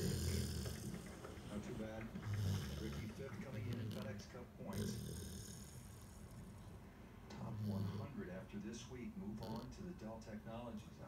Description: My English Springer Spaniel was worn out after a hike and promptly fell asleep in the most awkward position thus causing him to snore.